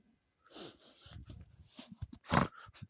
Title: Sadie snores 😂🤣😂🤣